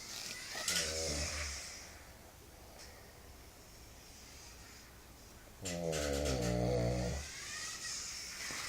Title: My dad snoring